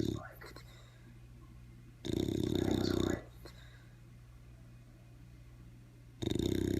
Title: Bailey the Bulldog snoring